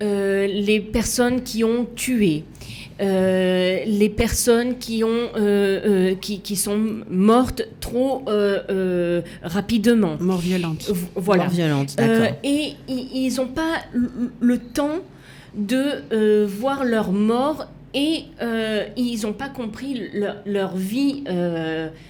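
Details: Woman with aphasia and right-sided hemiplegia after a stroke at age 19; for years could not place her tongue correctly and still struggles today; aphasia.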